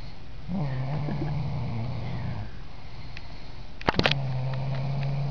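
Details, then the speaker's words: A sleeping pet called a baby and a cute girl, likely a cat, gives two long, low, steady buzzing snores separated by a quieter pause with a few soft clicks. Snoring. "Look at the baby sleeping, making funny noises."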